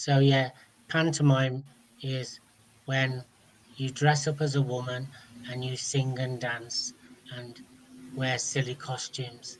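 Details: Adult man speaking; no speech disorder.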